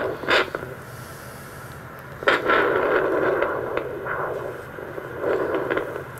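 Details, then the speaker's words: Temporomandibular joint crepitus heard with Doppler over the joint in front of the ear during jaw movement, no clicking on this side, rated medium crepitus, in a functional analysis demonstration. "i didn't hear any clicking with this side either for her so we would rate that as medium crepidus"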